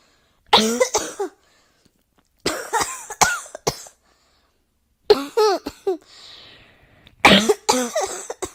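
Four bursts of harsh coughing, each a quick run of two to four coughs with a brief pause between, in a quiet indoor room.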